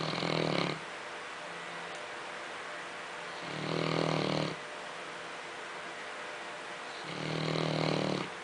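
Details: Dog snoring: three loud, rough, rumbling breaths about every three seconds, with quieter breathing between.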